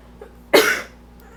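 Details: One sudden explosive burst fading within a fraction of a second from a person allergic to their cat, sneezing with the cat nearby; a single sneeze.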